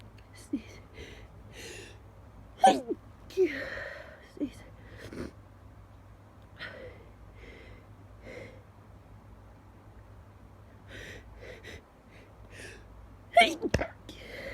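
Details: Person who just woke at 5 a.m., trying to stifle repeated sneezes: sneezes with sharp in-breaths and sniffles between them, in a quiet room.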